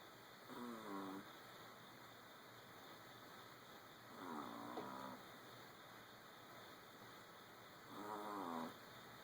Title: Old dogs snoring!